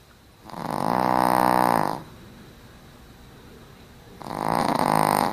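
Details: Brussels Griffon dog snoring while napping: two loud, buzzing, rattly snores on the in-breath, separated by a quiet out-breath, about 16 breaths per minute.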